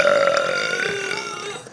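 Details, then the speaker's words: Girl deliberately burping on camera: a single long, loud, drawn-out burp with a voiced, croaking tone that fades in under two seconds; burping. "so um we're going to do another burping video cuz you guys asked"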